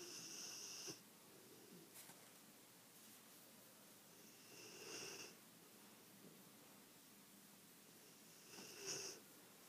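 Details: Bullmastiff dog snoring: soft, hissing snores with a faint whistle about every four seconds, roughly 15 breaths a minute, quiet room; snoring.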